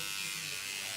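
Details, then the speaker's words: Microneedling pen with PRP on a client's forehead, client rates sensation one out of ten: continuous thin electric buzz with steady pitch, just a buzz and vibration. "yeah i mean honestly it's just just a buzz a vibration"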